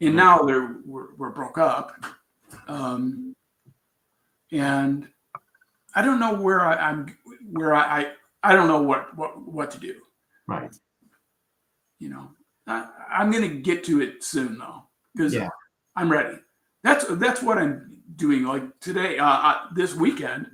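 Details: Aphasia in an adult man after a traumatic brain injury from a bicycle accident about four years earlier, with coma; trouble with words, still recovering.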